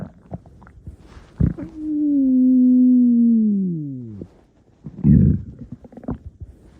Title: Stomach Growling